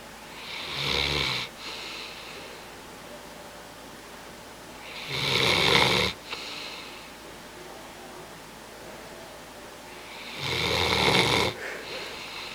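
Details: Bloodhound napping: three loud, rough snoring breaths about five seconds apart, roughly 12 a minute, with quiet gaps between; snoring.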